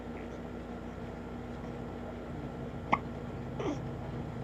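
A single sharp hiccup over steady room hum, then a fainter second catch.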